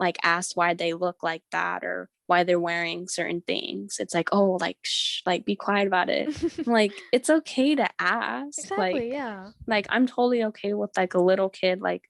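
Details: Teenage girl who stutters and attends speech therapy; word and part-word repetitions heard; stuttering.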